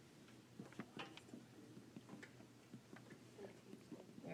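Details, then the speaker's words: During a physical exam, sharp finger taps percuss downward on the back while the patient holds a deep breath, finding where the resonant note turns dull, to measure diaphragmatic excursion. "so you can do two ways if you know you're taking a deep breath in the diaphragm should go low so she's here almost sounds lower when they breathe out the diaphragm comes up"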